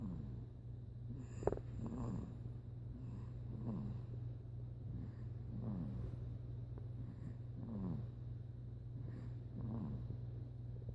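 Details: Soft rhythmic snores about every 1.5 seconds, roughly 40 a minute, over a steady low hum from a sleeping 6-week-old puppy; ordinary sleep snoring.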